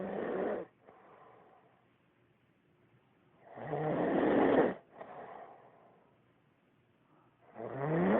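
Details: Sleeping male who had passed out, rough fluttering snores on each in-breath with quieter out-breaths, about 16 breaths a minute: snoring.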